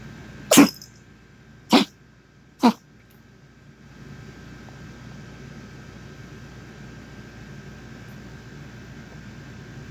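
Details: Dog cough: three sharp, brief coughs about a second apart, followed by a steady background hum.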